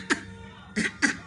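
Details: Baby girl playfully pretending to cough: three short, light, voiced cough-like bursts, a newly learned habit rather than an illness cough; voluntary fake cough.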